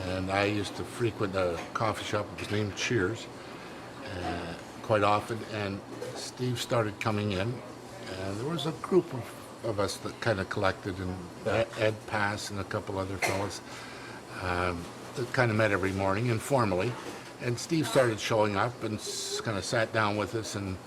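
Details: Adult man speaking; no speech disorder.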